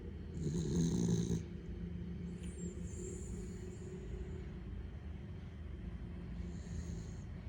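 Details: Sleeping cat snoring: a low, rumbling snore over steady room noise; ordinary, harmless sleep snoring.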